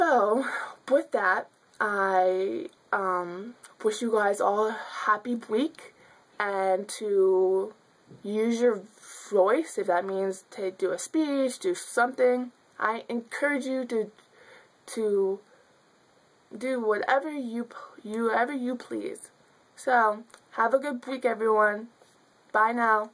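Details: Young woman who has stuttered since childhood, speaking spontaneously with fillers and repetitions; stuttering.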